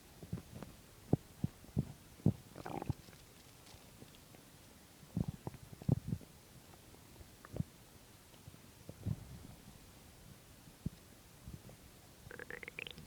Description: So in this video again my stomach is empty. (My stomach digests quietly) so I have to have an empty stomach for sounds :p